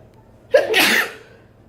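A single sharp sneeze: a brief intake, then an abrupt explosive burst of air fading over half a second.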